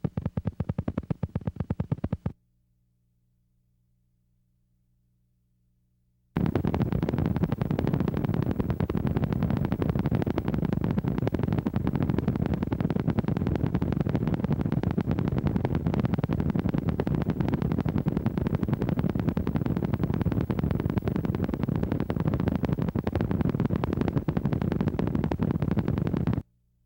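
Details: Needle EMG: high amplitude, long duration motor unit potentials, the hallmark of chronic denervation with reinnervation, appearing at least several months after nerve injury; includes high amplitude and long duration MUP examples.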